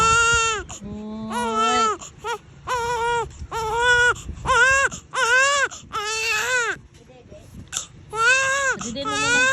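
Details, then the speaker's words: Loud, rhythmic infant crying in repeated wailing bursts with brief gasps; the baby is irritated because its eyes were covered; ordinary infant crying. "Hayaan mo muna Iyak ka muna para exercise sa langs"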